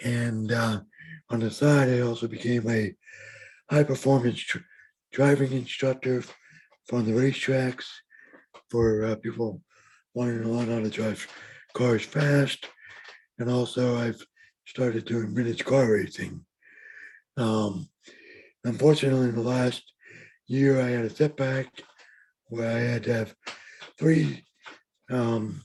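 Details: Adult man with lifelong bilateral severe hearing loss and mild cerebral palsy; speech of a person with severe hearing loss.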